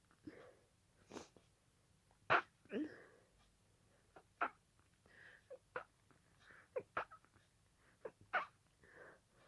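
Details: Sneezing fit that continued an earlier fit and lasted about 20 minutes at this speed: a rapid series of about a dozen short sneezes and snorts within ten seconds, barely pausing between them.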